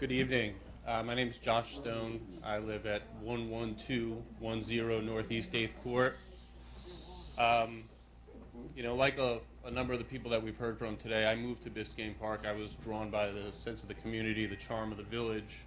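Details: Adult man; Normal voice.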